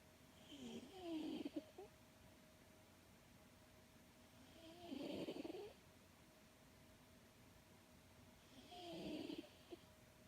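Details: Tortoiseshell cat sound asleep in REM sleep (eyes active, tail twitching, limbs moving), snoring loudly like a human: three rough, rattling inspiratory snores, about 16 a minute, over steady background hum.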